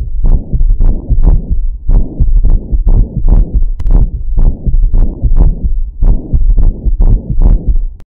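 Regular low-pitched heartbeats with a soft, short rumble between beats in diastole; a Carey Coombs murmur of acute rheumatic carditis, ending in a brief burst of noise.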